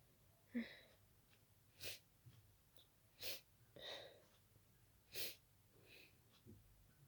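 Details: Sudden sneezing attack after an hour of itchy nose, sneezes growing faster until the nose was stuffy: about four explosive sneezes within seven seconds, quiet breaths between.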